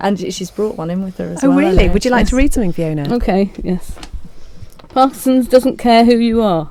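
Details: Adult women talking, one prompting and one reading aloud; ordinary speech.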